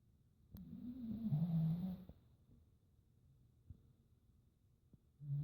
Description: My dog snoring very loud